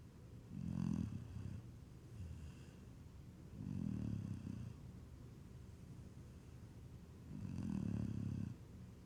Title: snoring after getting dirt in his snot while digging